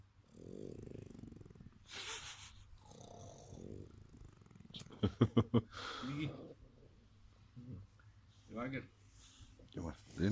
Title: Dog Snore exorcist